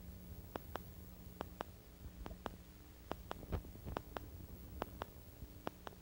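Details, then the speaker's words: Needle EMG recording of artifact from a single and a dual cardiac pacemaker: sharp, regular paired clicks about 70 per minute over a low hum. These artifacts show a steep positive deflection, and the patient should be asked about a pacemaker. "Artifacts from a cardiac pacemaker or spinal cord epidural stimulator are characterized by a steep positive deflection. Watch and listen to the artifact from a single and dual cardiac pacemaker."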